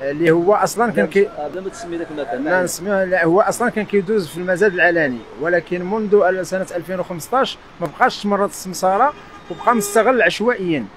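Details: Adult male speaker outdoors; ordinary speech.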